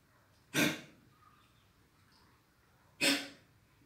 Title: chocking sounds in a dog due to cold